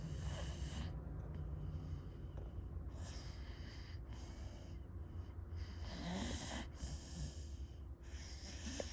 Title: Snoring dog sounds